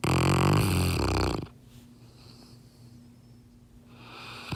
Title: ROCKY THE SNORING BLACK LAB 💤🐶😴💤